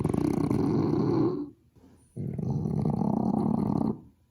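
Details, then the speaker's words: Heavy snoring from a sleeping, newly adopted French bulldog: two loud, rattling, fluttering snores, each over a second long, with a short quiet gap. He snores louder than a person and can be heard through a closed door. "He snores. He snores a lot. He actually snores more than my grandma and my dad combined."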